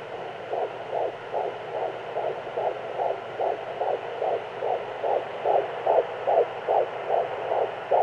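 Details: Fetal heartbeat at 14 weeks of pregnancy: rapid, regular whooshing pulses at about 146 beats a minute.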